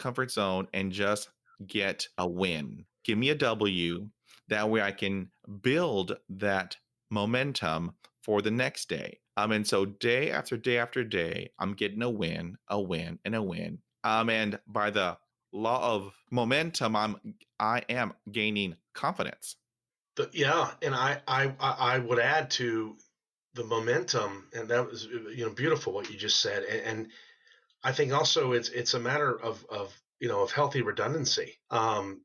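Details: Stuttering in a 47-year-old adult male, present since fifth grade, with repetitions and fillers, real speech.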